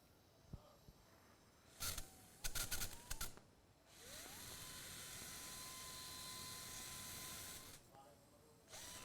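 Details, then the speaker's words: Steady high motor whine of a powered surgical drill, with brief clicks and clatter before it starts, drilling the deeply invaded lateral maxillary sinus during endoscopic removal of recurrent biopsy-proven inverted papilloma in a 43-year-old man. "this is the lateral dist of maxillary sinus it is known as that hidden area see this entire lateral part was so deeply invaded this requires drilling Drilling and drilling"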